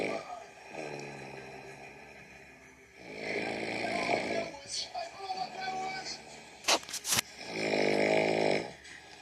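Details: Mother snoring in sleep: repeated harsh, rumbling snores with quieter breaths between and a few brief snorts; ordinary adult snoring.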